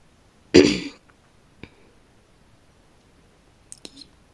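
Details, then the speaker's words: Cough from a sick brother in the background: a single harsh cough burst, followed by faint clicks in a quiet room. "Et si vous entendez tousser, c'est mon frère parce qu'il est malade."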